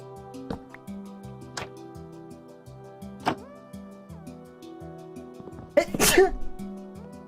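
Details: A single sharp, explosive sneeze from a male streamer over background music and game sounds during a gameplay stream, with repeated "excuse me" around it.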